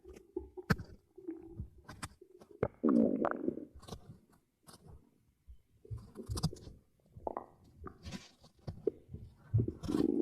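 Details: Close-up ASMR recording near the belly: irregular low gurgles and rumbles with soft clicks and quiet gaps; ordinary stomach growling, normal bowel sounds (borborygmi).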